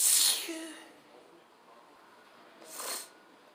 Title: Sneezing randomly